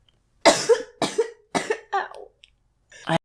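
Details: An ill adult gives a run of four sharp, voiced coughs in quick succession, then a fainter fifth burst: a short coughing fit.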